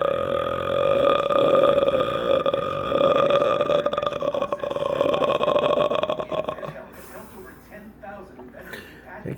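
A long, drawn-out, steady-pitched belch lasting several seconds, then quiet room noise.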